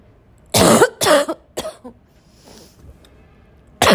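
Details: An intense, recurring barking cough: three loud, harsh, forceful coughs in a quick run, then a faint breath and another cough, amid repeated coughing and throat clearing.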